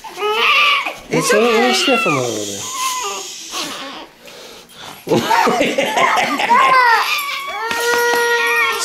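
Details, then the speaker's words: A newborn boy, just brought home, cries with rising and falling cries mixed with a dog's high whines; an ordinary hunger cry. "it's okay that's what it sounds like when they both cry you know why he's crying cause he's hungry mommy needs to feed him a little bit"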